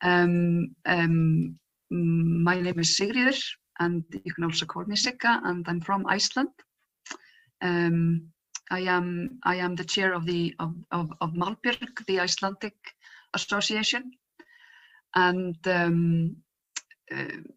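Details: Real stuttering in an adult from Iceland who stutters and chairs the Icelandic stuttering association; stuttering.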